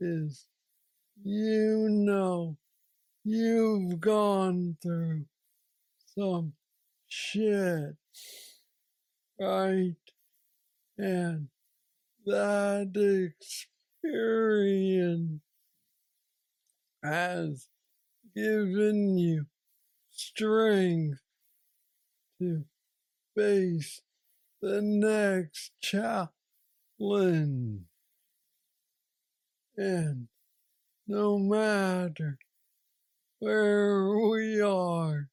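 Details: Man diagnosed with aggressive Parkinson's disease at age 35, now 46, reporting steady decline since diagnosis and mobility struggles; has a brain neurostimulator implant; hypokinetic dysarthria (Parkinsonian speech).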